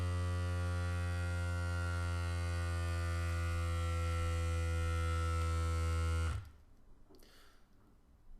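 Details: ProLogic 100 automatic blood pressure monitor with the cuff on the upper arm above the elbow crease, started by pressing the orange button: a steady low pump hum inflates the cuff for about six seconds, then stops.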